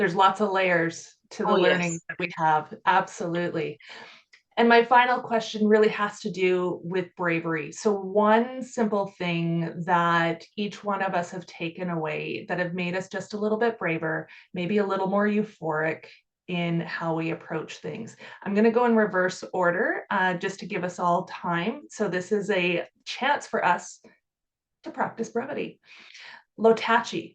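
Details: Adult woman speaking; normal speech.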